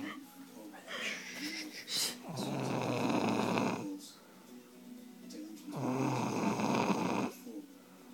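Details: Woman sleeping: two long, harsh rattling snores a few seconds apart, with faint talk and music in the background: loud snoring.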